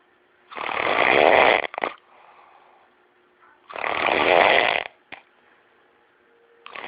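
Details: Two loud, harsh, rasping snores about three seconds apart, with quiet breathing out between them; snoring.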